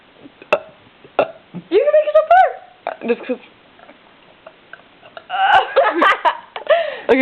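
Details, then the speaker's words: Deliberate belching during a playful burping contest between friends while one films: short, throaty voiced burps mixed with brief speech in a small room. "You burp and I'll have the camera at me and then it'll look like I'm burping. Ready? You burp. Ready?"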